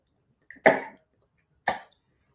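Two short, harsh coughs about a second apart, the first more forceful.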